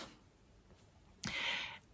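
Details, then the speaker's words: A pet sleeping nearby gives a single short, hissy, snorting breath in a quiet room; ordinary snoring during a nap. "et là vous entendez croocm qui est à côté qui ronfle qui fait sa meilleure"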